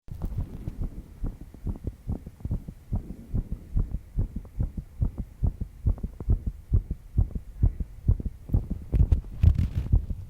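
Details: 22-year-old woman stressed after an all-nighter: fast, steady low thumping heartbeat with paired beats over faint background noise, quickened but regular; rapid heartbeat.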